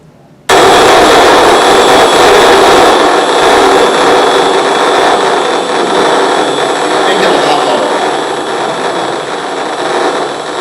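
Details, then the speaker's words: Dense crackling, hissing rush of neuronal firing heard while a microelectrode is advanced along a trajectory in a patient's brain during brain-machine-interface surgery, with different regions giving distinct sound textures. "that's the sound of me approaching somebody with an electrod down this trajectory you can actually make it a lot more it sounds really annoying"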